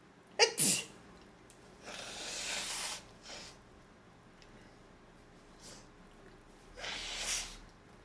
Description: I sneeze so much, any time